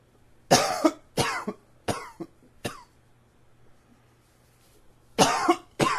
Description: Allergy tickles got me going.